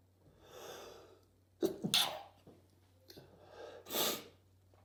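Breathy inhalations and several sharp sneezes in quick succession over a few seconds, with a faint steady hum in the room; a sneezing bout.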